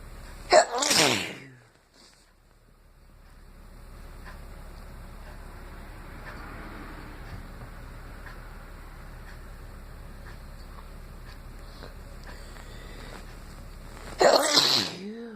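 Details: Person congested, deliberately inducing sneezes to clear it: two sharp sneezes, one near the start and one near the end, separated by quiet room noise; sneezing.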